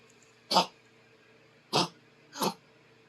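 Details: Dog named Sparky coughing: three short, harsh, dry bursts about a second apart.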